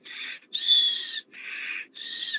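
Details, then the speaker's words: Wheeze demonstrated during a respiratory examination practical session: high-pitched, continuous, musical whistling heard on inspiration but louder on expiration, indicating airway narrowing from bronchospasm or secretions in the small airways. "لاحظ يعني بالشهيق أكو صوت لكن بالزفير أكثر expiratory. هذا إذن indicate narrowing of the airways either due to a bronchospasm or secretions in the small airways."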